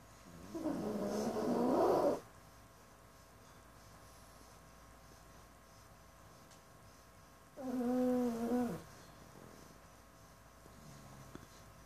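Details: Pug named Domeo, deep asleep, snoring: two drawn-out, whistly, almost human-like snores about six seconds apart, with quiet pauses between.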